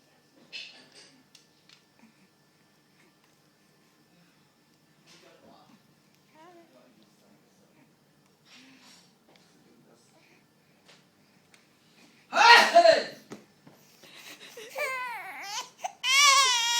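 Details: Quiet room, then a loud sneeze that scares a baby, who gives a brief, startled whimper and a rising cry.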